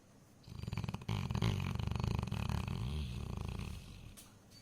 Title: Snoring tyson😂குறட்டை விடும் டைசன் #dog #funny #video #trending #explore